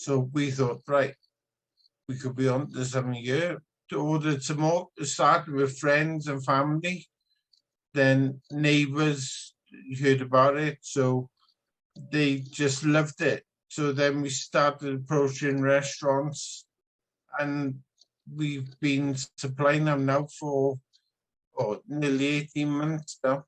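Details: Adult man with spinocerebellar ataxia type 14; a consultant noticed a problem as soon as he started speaking; ataxic dysarthria.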